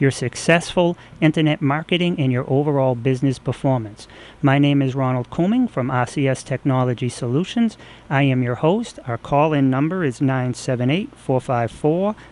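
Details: Adult male speaker; normal speech.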